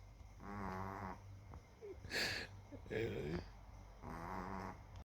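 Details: Small dog snoring in sleep: drawn-out, buzzing inward snores alternating with short, whistly sighing outward breaths; ordinary snoring.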